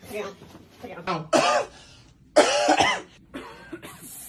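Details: Acted, comedic cough: a few loud, harsh coughs between bits of speech.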